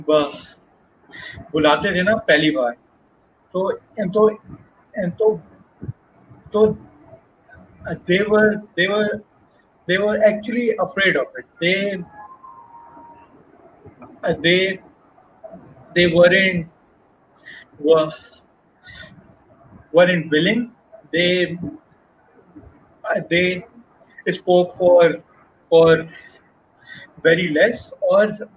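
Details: Adult who has stammered since age 6, now a Toastmasters member, with word and part-phrase repetitions; stuttering.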